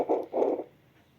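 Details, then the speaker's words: Portable handheld fetal Doppler held on the demonstrator's own hand to show it working: two soft whooshing pulse swishes, then quiet hiss; Doppler pulse sound. "तो जैसे अभी मैं अपने हाथ पर इसको ऐसे फिर लूंगा ना देखो आपको आवाज़ भी ए रही होगी"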